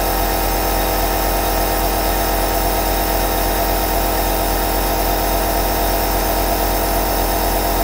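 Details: Double aerosol nebulizer compressor running continuously, giving a steady mechanical hum.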